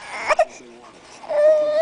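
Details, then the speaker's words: Infant cry from a baby unhappy during tummy time on the ground: brief fussing, then a sustained, high-pitched cry in a small room. "you don't like being on the ground"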